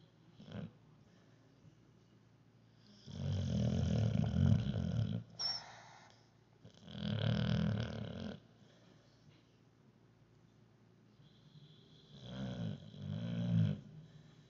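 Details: Dog asleep making horse-like noises: low fluttering snorts lasting one to two seconds, about three in fourteen seconds, with quiet gaps; harmless snoring-like sleep noises.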